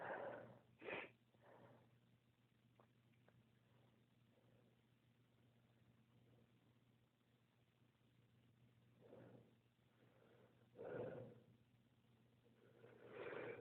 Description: These sneezes are what happens when my toes get cold; I know that sounds made up but it's not!